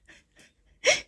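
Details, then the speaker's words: Adult man nearby gives a single sneeze in a quiet room, preceded by two faint sharp in-breaths. "mon père qui qui éternue"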